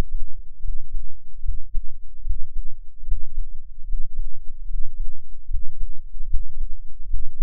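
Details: Self-recorded adult heartbeat through an experimental microphone enclosure and tube, dominant frequency about 10 Hz: low, soft, regular thumping at about 74 beats per minute, including a breath-hold; normal heart sounds.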